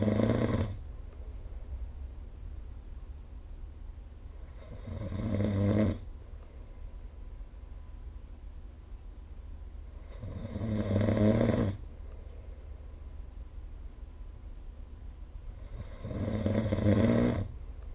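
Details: Regular snoring on inhalation, about 11 breaths a minute, in a quiet room, recorded with the SnoreLab app.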